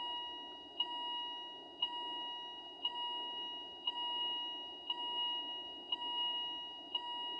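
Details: Philips IntelliVue MP30 patient monitor alarm on an ECG-simulator rhythm, with a ZOLL E Series defibrillator present: steady electronic alarm tones with a short beep about once a second, about 59 a minute.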